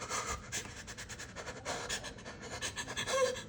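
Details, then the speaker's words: Adult woman hyperventilating in panic after cutting her hand and seeing the blood: fast, shallow panting breaths with audible gasping, about four a second. "And then I sat down, and when I saw the blood, I started going into like this hyperventilating panic, as you can hear."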